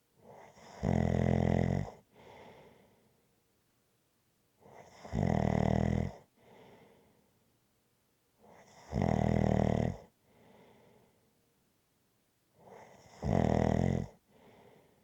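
Loud, rattling snores on each breath in, about 14 a minute, each followed by a softer breath out, in a quiet room.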